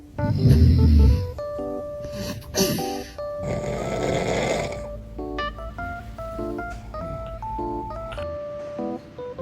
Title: Baby's reaction when dad snores#foryou #interesting #baby #cute